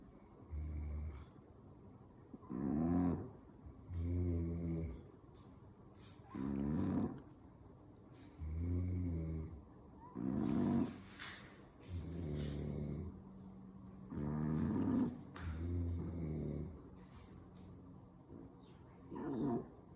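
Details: Two overlapping sleepers, a man (father) and a dog, in a snoring contest: loud, rhythmic rattling snores alternating in bursts. Snoring.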